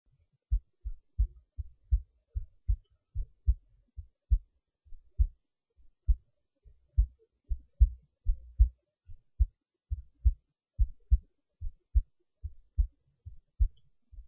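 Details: Low, muffled paired heart thumps at about 70 a minute with a normal-sounding rhythm; heartbeat recording.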